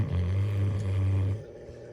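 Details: Female bloodhound snoring while asleep as Christmas ornaments roll over her face: a deep, loud, rumbling breath lasting about a second and a half.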